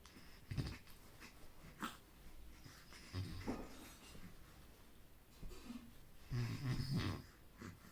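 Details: A sleeping baby snoring: low, rumbling, slightly wheezy breathing noises repeating irregularly.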